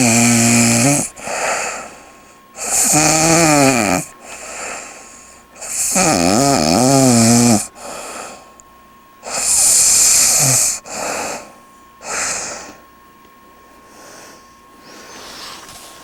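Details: Adult woman who fell asleep while reading a book: loud, rasping snores every few seconds, some with a wavering buzzy pitch, alternating with softer breaths; snoring.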